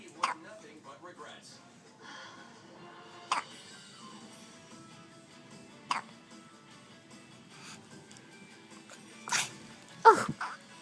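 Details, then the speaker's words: Baby who hiccups at least twice a day, and did often in the womb during pregnancy: short, sharp hiccups, about four over ten seconds, with quiet room noise and background music; hiccups. "livia have the hiccups again can you see hello my hiccups"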